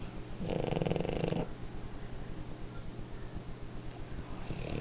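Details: Sleeping French Bulldog napping: one loud, rough, rattling snore, then quieter rhythmic noisy breathing; very loud snoring.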